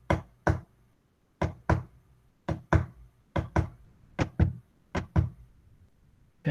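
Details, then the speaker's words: Simulated normal heart sounds: knocks in close pairs each followed by a longer pause, about 50 a minute, a tapped imitation of first sound, short silence, second sound, long silence, taught for stethoscope listening. "van a escuchar un primer ruido un pequeño silencio y un segundo ruido un gran silencio y después comienza de nuevo el ciclo"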